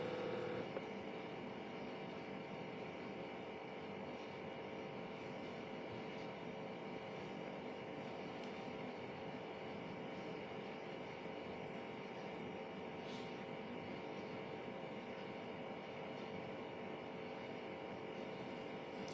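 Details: Steady mechanical hum of a talking digital blood pressure monitor (type B02R) inflating, cuff at heart level, during one of three repeated readings; reading about 135/87 mmHg, pulse 74; BP monitor pump.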